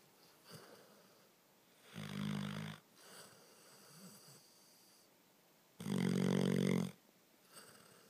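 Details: Bear snoring: two loud, rattling, low-pitched snores on the in-breath, each about a second long, separated by quieter breathing.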